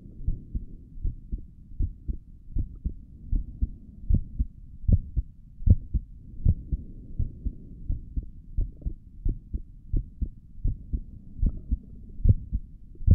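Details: Heartbeat heard through a stethoscope on the chest for an ASMR recording: steady low thumping at about 77 beats a minute with a faint hum behind it; stomach gurgles occur during the recording; normal heart sounds.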